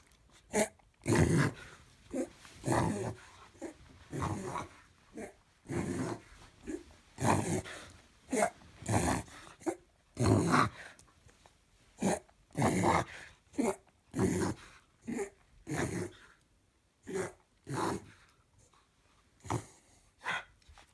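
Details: Dog making repeated harsh, honking snorts in a run: a reverse sneezing episode.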